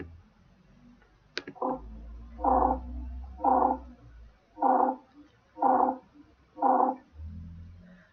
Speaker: you get a whole systolic murmur at the lower left sternal border this is classic for VSD and we can hear it actually here too